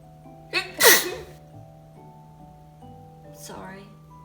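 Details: Two sudden explosive sneezes from a cat owner during filming, the second louder, with soft music and a steady hum.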